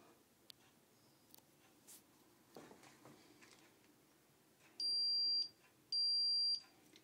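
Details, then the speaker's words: Two sustained high beeps from a Freestyle Navigator continuous glucose monitor receiver after a transmitter battery change and system reconnect, confirming reconnection; battery status then shows 75 to 100 percent. "beeps tell me reconnected appropriately status my battery shows 75 to 100 percent"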